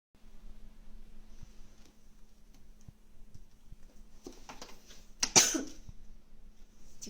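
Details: Tired cat relaxing on a chair: a single sudden sneeze over quiet room hum, then scuffling as the cat gets a jump scare.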